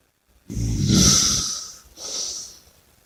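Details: Two noisy breaths: a long rumbling snore, then a softer hissing breath; snoring with heavy breathing.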